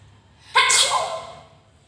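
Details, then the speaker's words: Acted, exaggerated sneeze: one loud, sudden voiced burst with a hissing release that fades away, part of a comedy demonstration of sneeze types. "Tipe-tipe bersin. Bersin tidak bersuara. Bersin tembak. Bersin mental. Bersin lebay."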